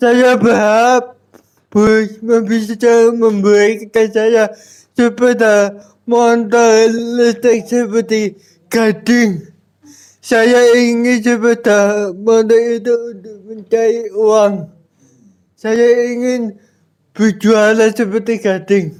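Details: Adult with cerebral palsy, real speech: dysarthric speech in cerebral palsy.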